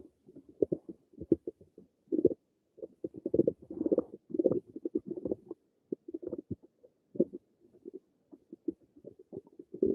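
Irregular gurgling, bubbling rumbles in rapid clusters: ordinary stomach and bowel sounds.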